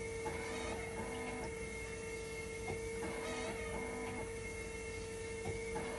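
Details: Hemodialysis machine test-run in dialysis mode during repair of a recurring 5-volt level detector failure: a steady electronic hum and tone with repeated mechanical clicks and pump pulses while conductivity and temperature stabilize.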